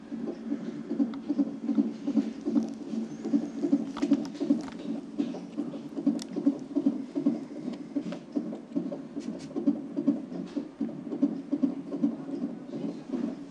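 Soft, regular low thumps at about 75 a minute against light rustling noise: an ordinary heartbeat.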